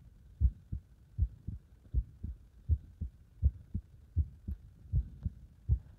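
Steady, paired lub-dub heart sounds at about 80 beats a minute, recorded under exercise load; a normal rhythm.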